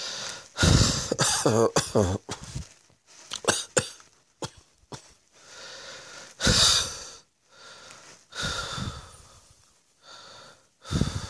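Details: Repeated harsh coughs in bursts with short gaps, some with a wheezy catch; a coughing fit.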